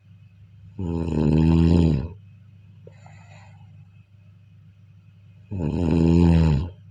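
Loud, rattling snores on inhaling, about 4.7 seconds apart, with quiet breathing between; snoring during sleep.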